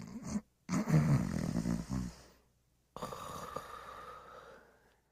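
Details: Fred sleeping and snoring: low, fluttering snore on the in-breath, then a softer exhaled breath.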